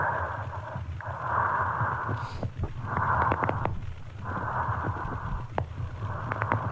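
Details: Bronchial breath sounds with inspiratory crackles, from a pediatric bronchiolitis auscultation teaching talk.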